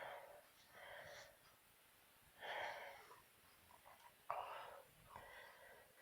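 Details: Self-induced sneezing: several sharp, breathy nasal bursts a second or so apart, each with a quick intake before it.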